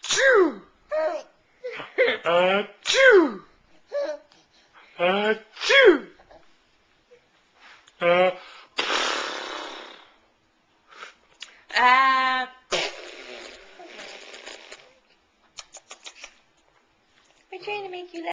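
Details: Young child in new pajamas playfully making forced, sneeze-like breathy bursts amid giggling and vocalizing; recorded December 2010 on a Flip Video camcorder.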